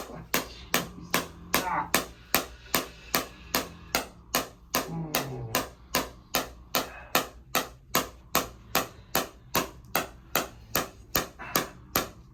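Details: Radial shockwave therapy pulses, steady sharp tapping about 150 a minute, during a second session on an adult male runner's left SI joint, hip and low back for chronic pain with a history of nerve damage; intensity increased during treatment.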